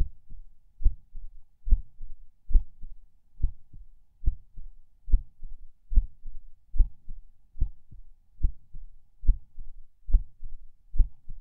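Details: Person lying in bed falling asleep: soft, low heartbeat about 70/min with slightly uneven rhythm and occasional soft skipped beats (person unsure if these are PACs); a distinct split S2 is also present in this recording.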